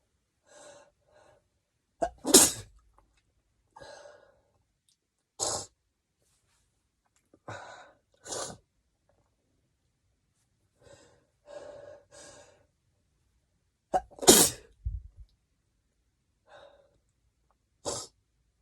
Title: stifles and wet desperate sneezes